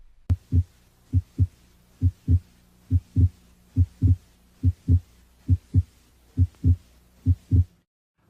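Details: Normal heart sounds heard at the pulmonic area during a cardiovascular examination with the stethoscope, regular rhythm with S1 and S2; normal heart sounds (pulmonic area).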